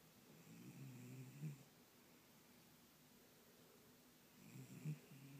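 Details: Chihuahua asleep with his head resting in a person's hand: two soft, low rattling snores one breath cycle apart in a quiet room; snoring.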